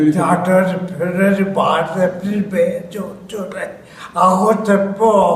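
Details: Patient with ataxia caused by damage to the balance-controlling cerebellum, which impairs coordination; slurred speech; ataxic dysarthria.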